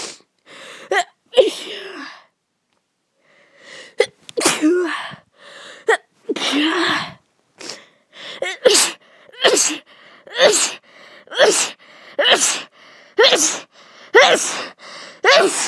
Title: allergic sneezing. sneezing from flower